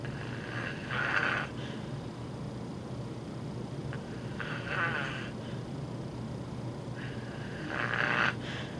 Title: Sleep Apnea Snoring